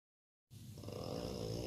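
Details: Person snoring during sleep, snores every night: after silence, a single rough, rattling snore on breathing in, building in loudness; a heavy snore.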